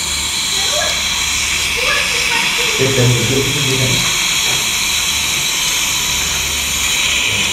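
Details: Dental suction (continuous loud hissing rush of suction or air spray, brief muffled voices) during a young girl's first dentist visit for milk-teeth extraction; normal cleaning sound.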